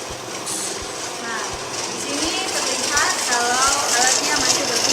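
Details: Nursing student's suction demonstration: the suction machine runs during a function check, with the catheter placed in 0.9% NaCl and its port closed with a thumb. Steady motor hum, rhythmic knocking and a rising hiss, with talk in the background.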